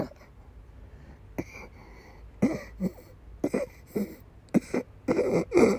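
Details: Female with persistent asthma attacks and a migraine-cluster headache complex: repeated harsh coughs in close bunches, growing more forceful, during an asthma attack with coughing and vomiting.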